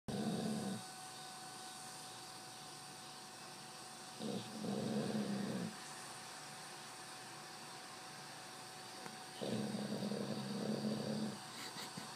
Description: The most kick ass 3 minutes of a motherfuckin dog snoring on my motherloving bed.